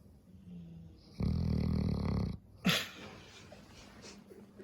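A dog gives one loud, fluttering, rumbling snore on the in-breath, then a brief snorting puff out, over faint room noise; ordinary snoring.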